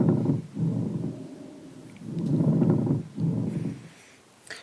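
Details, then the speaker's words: Pleural friction rub in the setting of pleural effusion: coarse, grating rubbing sounds with each breath in and out, from inflamed pleural layers rubbing together. "And then for the pleural rub, this is how it sounds."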